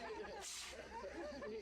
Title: Sneezing panda.wmv